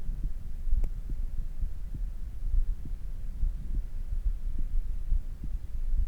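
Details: Human heart sounds after exercise: steady low thumps at about 70 per minute under a constant hum, gradually returning to normal rhythm; normal heart sounds.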